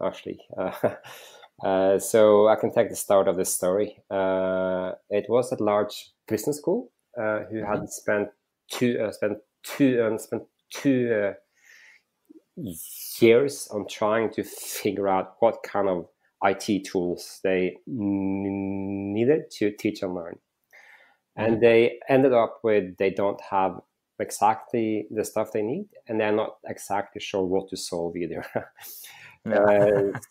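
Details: Stuttering in an adult male interview guest who says he stutters, that it can be heard here, and that he stuttered a lot when raising his hand in class.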